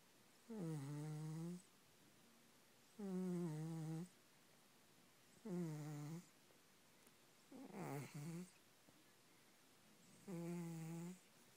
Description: I sometimes wake up thinking someones sleeping next to me to find out my cat is the one snoring xD